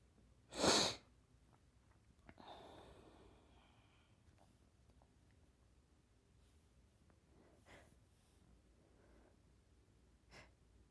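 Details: One of four sneezes: a loud, explosive sneeze, then quieter sniffs and faint breathy sounds in a quiet room.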